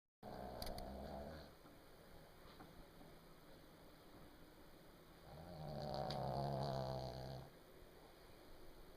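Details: A pug asleep on a couch late at night, snoring: two long, low, rumbling snores with a fluttering rasp, separated by a quieter pause.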